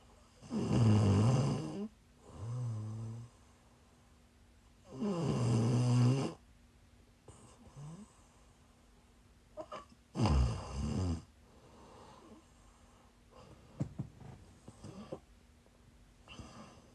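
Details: Loud, rattling snores on each in-breath, about 13 a minute and somewhat irregular, with softer out-breaths between, recorded during a live stream while the snorer was sick: snoring.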